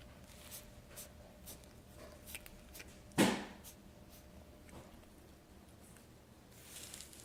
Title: Fat cat sneezing